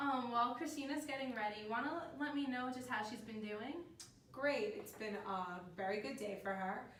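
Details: Adult woman speaking; normal speech.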